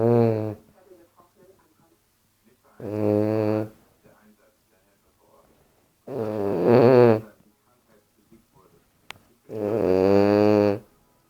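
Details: Bulldog asleep on owner's leg: four loud, buzzing snores about 3 seconds apart, roughly 17 a minute, with quiet breathing between. Snoring.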